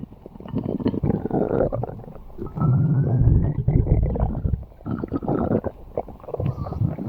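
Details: Loud, low, continuous gurgling and rumbling for several seconds; stomach growling (borborygmi), gas and fluid moving through the gut.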